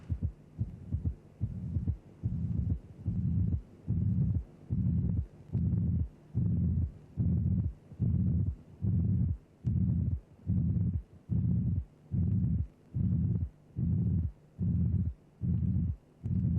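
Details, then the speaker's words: Teaching recording of cardiac auscultation: regular rhythm near 72 a minute, flat pansystolic murmur obscuring first and second sounds, then a gap and a low pathological third heart sound. "So remember when you hear a flat pansytolic murmur followed by a gap and then a heart sound the heart sound you hear will be a third heart sound."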